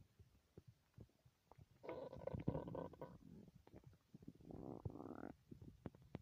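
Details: Stomach growling after reportedly not eating for three days: long gurgling, groaning rumbles with scattered small pops and squeaks from the belly; loud hunger borborygmi.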